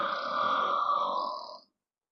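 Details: A girl's deep, loud, long burp: one sustained, voiced burp of under two seconds that fades out; belching.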